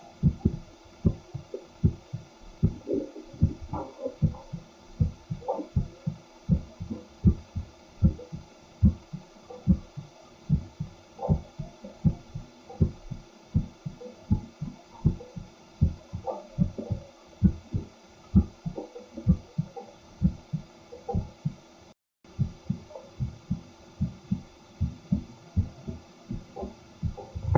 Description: Stethoscope mic recording and simultaneous EKG readout of a man's heartbeat.